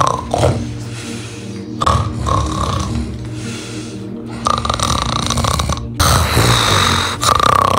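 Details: Sleeping man, a religious cleric (huzur), possibly after a heavy meal, with loud, repeated, rattling snores and harsh throaty vibration; faint music in the background. Heavy snoring.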